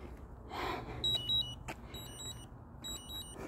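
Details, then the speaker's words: Brief high electronic beeps in short bursts over outdoor noise during a health walk: the wearer's glucose scanner sounding a low glucose alarm, which keeps tracking levels even without scanning. "glucose alarm yeah i think it it still keeps track of my levels even when i'm not scanning"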